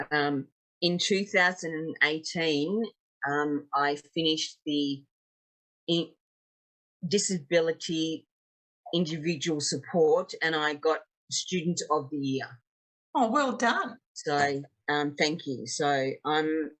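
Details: 56-year-old woman with aphasia after two strokes, an ischaemic stroke 10 years ago and a TIA 6 years ago; real, not acted; aphasia.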